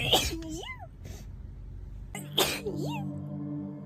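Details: Two abrupt, explosive sneezes, each followed by a short voiced sound, soft music in background; sneezing.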